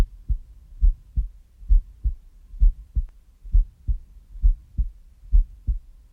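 Deep, regular lub-dub thumps at about 66 beats a minute: a steady heartbeat.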